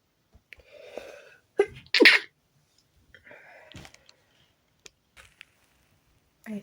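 A run of sneezes, some loud and explosive, others stifled, with quiet gaps between: a sneezing attack brought on by sneezing powder.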